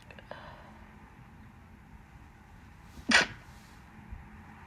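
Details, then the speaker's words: A single short, muffled burst, a deliberately stifled sneeze, with itchy nose, amid wet sneezes during bad pollen season. "I'm going to try stifles a bit."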